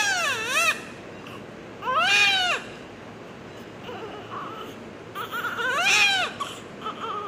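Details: Newborn just after delivery giving three loud, high-pitched wailing cries; a strong cry, a normal and expected sign.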